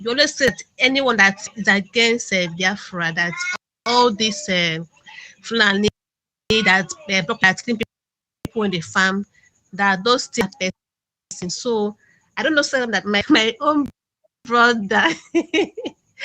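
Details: Adult male caller who says he stammers; stuttering.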